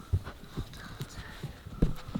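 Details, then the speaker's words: Simulated fetal heartbeat from a phone pregnancy app at about 7 weeks of pregnancy: rapid, regular soft thumps at about 140 a minute; the app says it beats very fast and the baby is coffee-bean sized. "Çok hızl atıyor şu anda bir kahve çekirdeği kadar bebeğiniz diyor"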